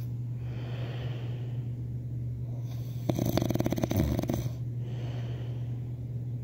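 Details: Snoring: one rough, fluttering, snort-like snore against a steady low room hum.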